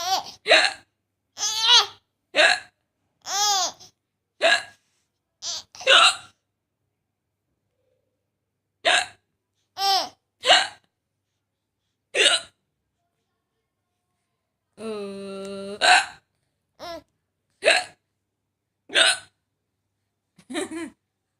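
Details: A mother hiccuping: sharp, abrupt voiced hiccups recurring about once a second, mixed with bursts of laughter in a quiet room; hiccups.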